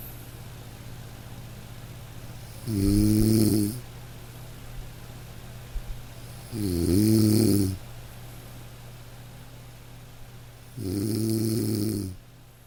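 Slow, regular rattling snores from a sleeping dog, about 15 breaths a minute, over a steady hiss of light rain.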